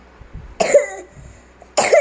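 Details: Child reciting Surah Al-Ghasyiyah from memory coughs mid-recitation: two short, sharp coughs, the second cut off at the end.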